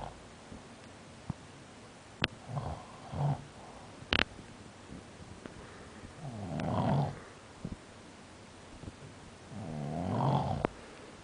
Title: Prague Nov 2005 pt 5 snoring lol